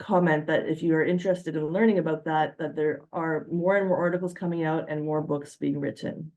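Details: Adult speaker; normal voice.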